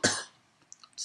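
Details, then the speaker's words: Single short, dry cough from an adult podcaster who says it is a throat tickle, followed by faint small noises. "I should go because I'm now I'm coughing and you don't want to hear that so I'll see you all next time bye"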